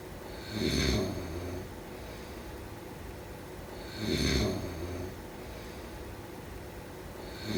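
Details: Snoring during sleep: two low, rattling snores on inhalation, roughly 17 per minute, separated by quiet breathing.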